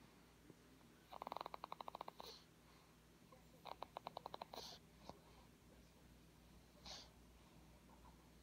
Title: Snore bags